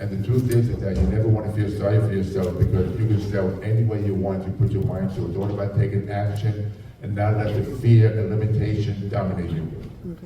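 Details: Adult male with profound hearing loss, childhood speech challenges and a speech impediment, trained in phonetics with marbles in his mouth, now with a cochlear implant: speech of a person with profound hearing loss.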